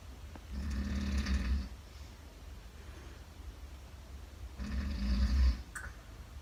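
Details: Father really asleep and snoring loudly in a shared room: two deep, rumbling snores about four seconds apart with quiet pauses between.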